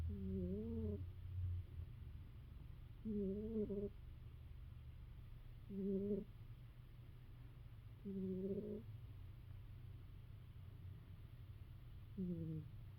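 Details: Sleeping female cat that snores often, sometimes louder and varying in sound: short, wavering, whistly snores about every two to three seconds over a low steady hum; normal snoring.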